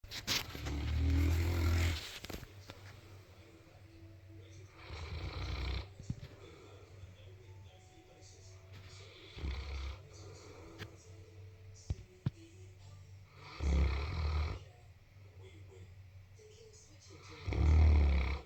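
Loud, low, rattling snores recur irregularly, roughly four in eighteen seconds, with quiet pauses between them; ordinary snoring.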